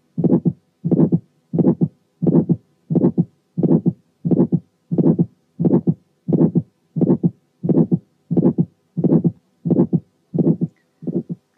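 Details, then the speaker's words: Early aortic stenosis with fibrosed but mobile cusps: first sound, then straight away an ejection click, then an ejection systolic murmur, then the second sound. "وفي الحالات دي بنسمع الفيرست ساوند وبعديها على طول ايجكشن كليك ثم الايجكشن سيستوليك مامر ثم السكند ساوند زي الحاله اللي جايه."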